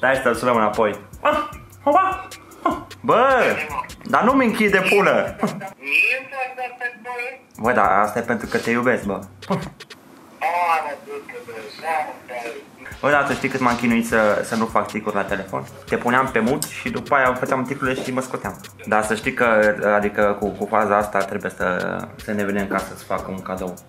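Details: Male with Tourette syndrome trying to suppress his tics during a phone prank, repeated words heard; Tourette syndrome (vocal tics).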